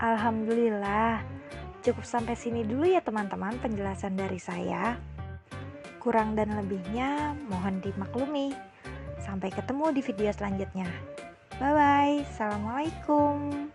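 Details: Adult woman speaking Indonesian; normal speech.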